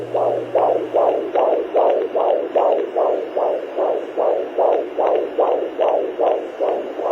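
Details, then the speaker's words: Normal fetal heartbeat on Doppler: fast, regular whooshing pulses at about 150 a minute, shared as a hopeful sound during the COVID-19 pandemic. "So I wanted to share this lovely sound. This is a sound that's been giving me hope. So lovely to think that even in a pandemic, there's new life growing."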